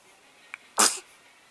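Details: A single short, sharp sneeze from a pet, a brief hissing burst after a small snuffle.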